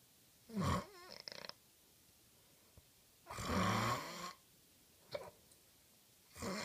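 Rough, rattling breaths every few seconds with a soft whistling note, a sleeping dog snoring at about 20 breaths a minute.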